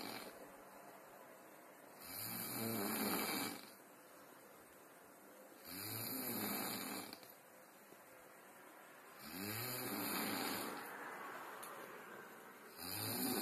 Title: [Deleted Snoring Vids No.2] Snoring Bear